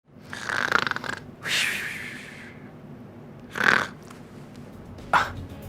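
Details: Snoring, presented as a possible sign of obstructive sleep apnea: several loud, rattling snores with fluttery vibration, separated by quieter breathing pauses.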